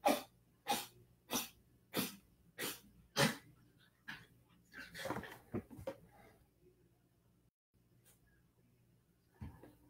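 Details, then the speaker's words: A dog gives a run of six forceful, harsh coughs, then weaker hacking and gagging; owner says it is coughing up a hairball and does this all the time. "If y'all hear that, that's just my dog coughing up a hairball."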